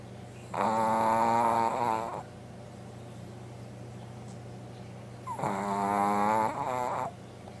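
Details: Sleeping Brussels Griffon dog snoring: two long, buzzing, tonal snores about five seconds apart, each over a second long, over steady room hum.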